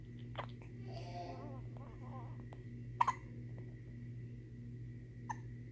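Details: Infant with hiccups: a few sharp, brief hiccup jolts and faint baby sounds over steady room hum.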